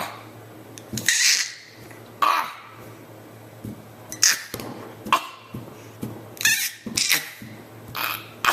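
About seven short, airy, hissing bursts, each starting sharply and fading, in a quiet room; a child's cough, possibly a playful imitation.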